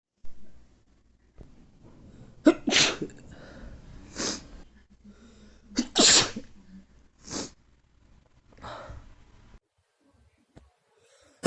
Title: A sneezing day 😏